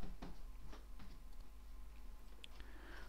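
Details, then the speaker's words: Faint irregular mechanical ticks and clicks over a low hum as the piston of a Merlin small animal veterinary ventilator turns slowly during its routine leak test, tube connected patient to patient, airway pressure rising toward a 57 limit. "then set the Run switch to on to start M moving if you look inside you'll see the Piston start to turn very slowly"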